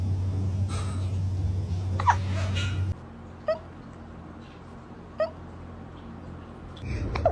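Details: A cat hiccuping, heard as soft, abrupt little squeaks at spaced intervals over faint room hum; the owner blames eating food too fast. Hiccups.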